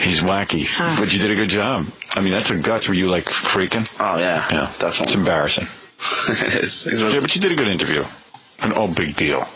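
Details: Adult men in conversation; no speech disorder.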